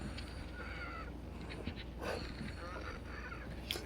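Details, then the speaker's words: Wheezing with chest tightness in a female patient after minimal exercise (two ups and downs), out of breath: squeaky, whistling breath sounds recurring over a noisy background. "yeah I can hear a tightness of chest now"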